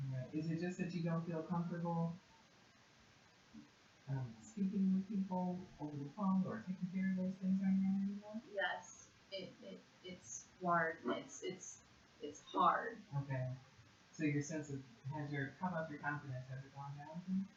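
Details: Adult clinician speaking in a quiet room; typical speech.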